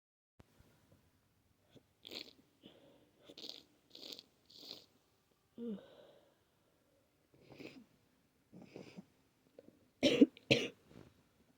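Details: Person with itchy, sensitive, clogged nose, unable to breathe through it: several short explosive bursts with wet, snuffly nasal sounds, ending in two loud sneezes; repeated sneezing with congestion.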